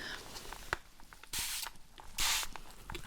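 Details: Cold spray in a role-played ASMR doctor visit, applied after cold water on forehead and neck to cool a feverish patient: two short hissing aerosol bursts among soft clicks and handling noise.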